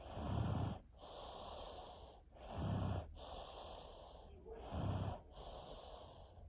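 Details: Sleeping female with strep throat and a head cold for over a week, snoring with a low rattle on each inhalation and softer airy exhalations, about 27 breaths a minute.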